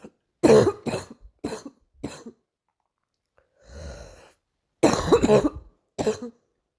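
A burst of about four coughs, a brief throat-clearing breath, then two or three more coughs. Recurrent adult cough.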